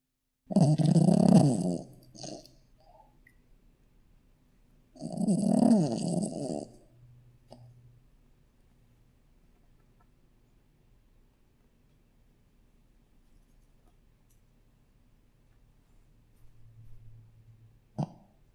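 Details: Sleeping Shih Tzu puppy snoring: two long, rumbling snoring breaths with a faint whistle, then quieter breathing.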